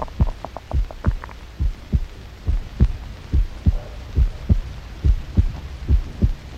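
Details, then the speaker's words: Human heartbeat amplified about a million times, like a jungle drum: regular deep thumps at about 70 beats a minute; a normal heart rhythm. "this sound like the rhythmical beat of a jungle drum actually it is the sound of a human heart which science can amplify a million times"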